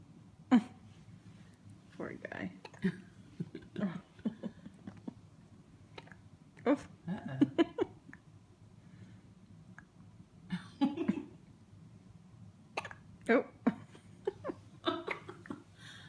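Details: Hiccups: brief sharp hiccups recurring at irregular intervals over about sixteen seconds in a quiet room, with soft vocal noises between them.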